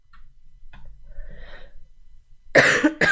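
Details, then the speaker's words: Girl who says she coughs so much all night that she can't sing and who previously had mycoplasma: quiet breathing and faint sounds, then two sharp, harsh coughs in quick succession in a small room. "I can't sing because I cough."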